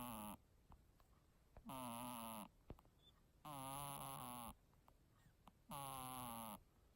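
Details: Sleeping kitten snoring with a snot bubble: regular high-pitched whistling snores, about 29 a minute, consistent with nasal congestion.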